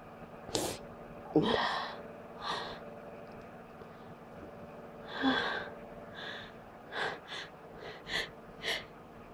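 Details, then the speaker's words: Person announcing repeated sneezes: several short sneeze-like bursts with quick inhaled gasps over a low steady background hum. "Gonna sneeze. Chill. Gonna sneeze. I'm gonna sneeze again."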